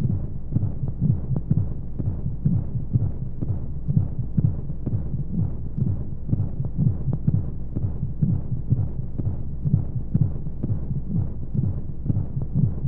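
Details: Womb-sound sleep aid for babies with white noise: regular low heartbeat thumps at about 125 a minute over a soft steady whooshing hush of flowing sounds, as heard inside the womb.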